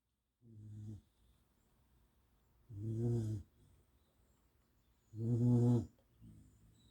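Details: A sleeping dog snoring: low, rattling, droning snores about 25 a minute with quiet gaps between.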